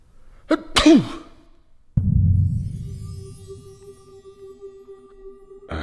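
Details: Comedy sketch, acted: two sharp sneezes in quick succession as a cartoon sneeze sound effect, followed by a thud and soft music; sneezing more than twice in a row.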